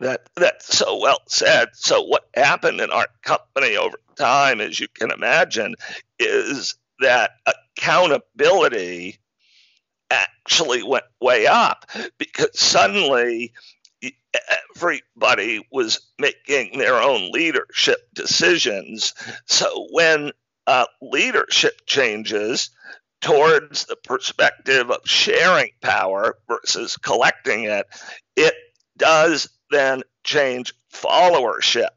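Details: Adult man with spasmodic dysphonia, onset around 2010 and diagnosed in 2012, a rare neurological disorder causing partial voice loss; much improved over about a decade but voice still described as a bit unique; real; spasmodic dysphonia.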